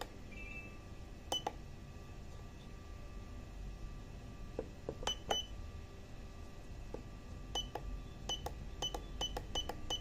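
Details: Syringe pump SP1 in operation: short electronic beeps and sharp clicks from keypad presses over a low steady room hum; normal syringe pump operating sounds.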